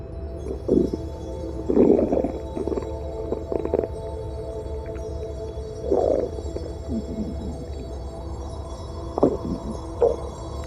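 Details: Stomach growling: intermittent gurgling and rumbling bowel sounds (borborygmi) over a steady background hum.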